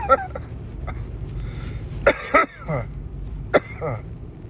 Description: Just another cough I had this morning while vaping.